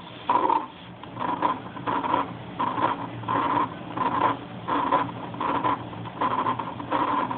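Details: Aortic stenosis heart sound played through a small speaker to demonstrate a light reacting to heart sounds: harsh, rhythmic whooshing bursts about 83 a minute; aortic stenosis murmur.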